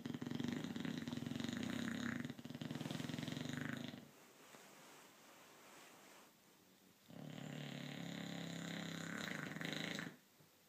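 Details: Snoring in a sleeping pet: two long, rattling, fluttering breath sounds separated by a quiet pause.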